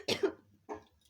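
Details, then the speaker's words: Sick young child, seen by a doctor and on medicine, coughing so much it cannot sleep at night: two short, fairly dry coughs, the first sharp and forceful, the second softer. "দেখো এত কাশছে, বাচ্চা ঘুমাচ্ছে না, রাত্রে ঘুমাতে যাচ্ছে না।"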